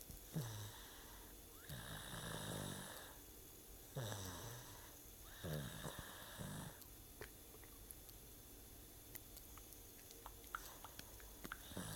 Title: Snoring